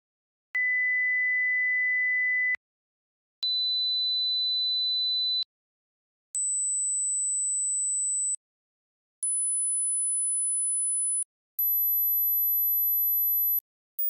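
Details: Hearing age test tones (rising pitch steps).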